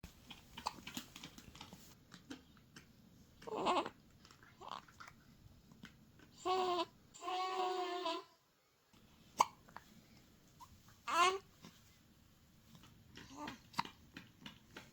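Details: A newborn with hiccups while passing stool: soft, brief hiccup-like catches every few seconds, with small grunts and straining sounds in a quiet room; infant hiccups.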